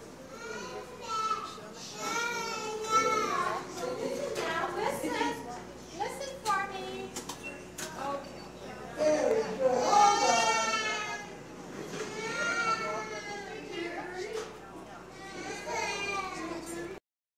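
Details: Infant crying: high-pitched, wavering cries in repeated bursts, with children's voices and room noise in the background.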